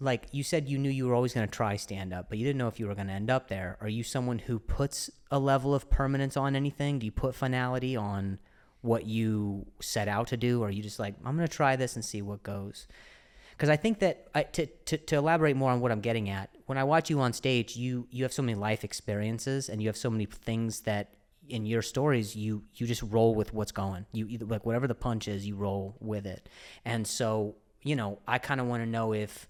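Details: Comedian known for his own stutter, speaking in a podcast conversation: stuttering.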